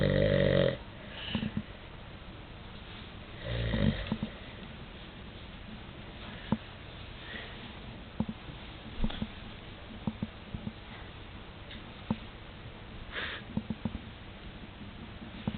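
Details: Adult man (father) asleep: two loud, rough snoring breaths followed by quieter breathing with scattered clicks and pops; snoring.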